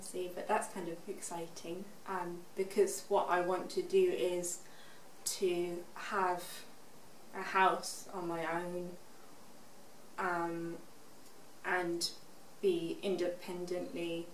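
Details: Expressive aphasia in a 24-year-old woman, six years after a stroke at age 18.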